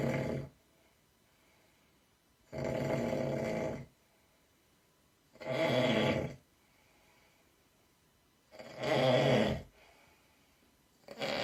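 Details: Loud, harsh snores on breaths in, about every three seconds, with quiet pauses between, from bodybuilders: heavy snoring.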